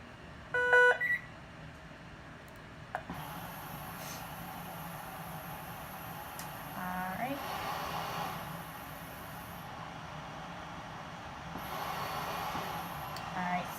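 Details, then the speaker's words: BiPAP machine start-up beeps as the machine is switched on during a first BiPAP setup demonstration with a pretend patient, then steady room hum and faint electronic tones. "so I'm going to pretend like I already size my patient snaps away so I'll turn my machine"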